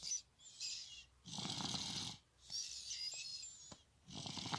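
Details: Soft, hissing snoring from an infant girl (third daughter) during a daytime nap, with regular breath cycles and quiet pauses between them.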